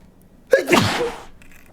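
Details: One forceful voiced sneeze after a brief intake of breath in a quiet small room, deliberately induced by inserting a stiff paper tag into the nostril; sneeze.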